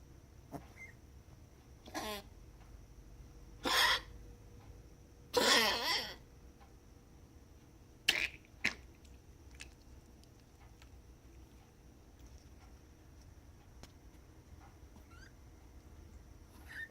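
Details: Cat named Bruiser coughing: series of short, harsh, dry coughing bursts separated by quiet pauses.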